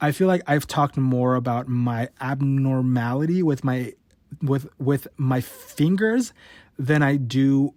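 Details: Adult male who has stuttered since about age 5 or 6, worsening since his teens; real, unedited stuttering.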